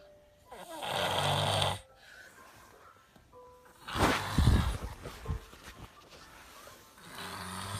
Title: Girl Snoring with a cold